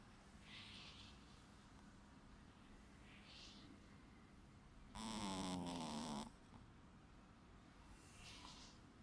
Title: My snoring Shih Tzu, his name is Waffle